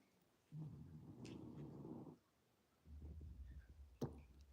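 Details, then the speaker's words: Two long, low rumbling breaths from a sleeping dog in a quiet room: snoring, with barking also mentioned. "I think you guys are listening to Bentley snore. Can you hear him snoring and barking?"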